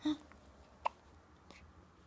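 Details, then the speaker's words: Hiccups in a baby. "Do you have the hiccups?"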